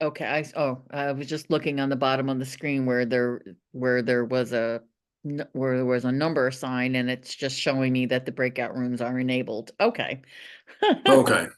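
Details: Adult woman who stutters, speaking at a National Stuttering Association meeting, with repeated syllables and words; stuttering.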